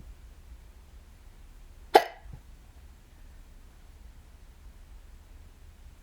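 A single sharp, abrupt hiccup in a quiet room with a low background hum.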